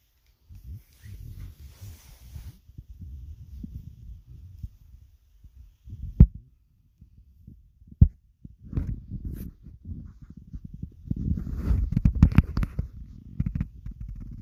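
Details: Hunger stomach growls: low, bubbling gurgles and rumbles in uneven bursts with a few sharp pops; normal borborygmi.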